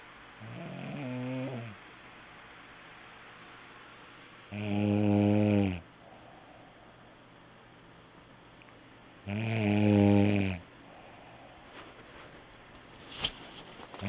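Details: Snoring during sleep, recorded on an HTC mobile phone: three loud, rumbling snores at about 13 a minute with quiet gaps between them.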